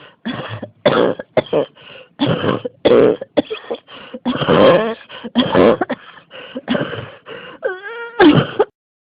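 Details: Persistent cough that won't stop: rapid, repeated harsh cough bursts, about fifteen in nine seconds, with barely a pause between them.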